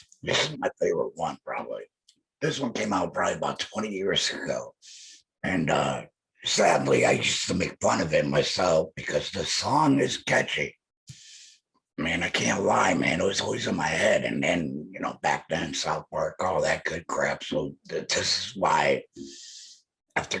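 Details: Adult male laryngectomee speaking with an electrolarynx held to his neck, his only form of communication; electrolarynx speech.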